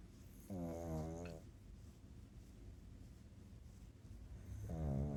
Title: Night night from Gizmo the pug. Snores and scratches 💕